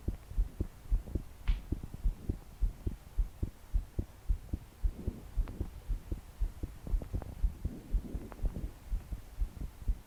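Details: 22-year-old female trying to calm her heart to sleep after deep breaths failed. Fast, heavy thumping heartbeat about 110 a minute, her body shaking with each beat, faint breathing and heavy rain behind: pounding palpitations.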